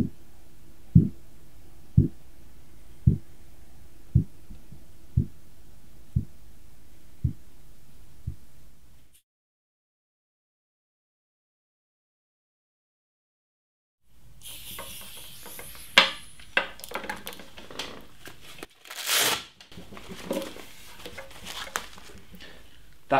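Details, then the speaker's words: Korotkoff sounds heard by stethoscope over the brachial artery during an OSCE blood pressure demonstration, with the cuff deflated at 2-3 mmHg per second: regular soft tapping pulse sounds near 60 a minute that fade and then stop. "Släpp sedan ut trycket (2-3mmHg/sekund) Lyssna efter första Korotkoffljudet och märk blodtrycksvärdet"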